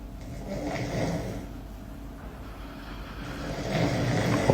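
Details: Two loud, rough, rattling low rumbles about three seconds apart, snoring acted for comedy.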